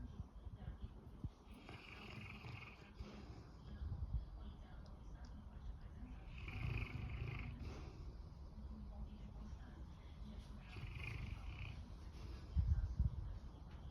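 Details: Sleeping dog: rough, low rumbling breaths rising and falling in slow cycles, with some background noise; snoring.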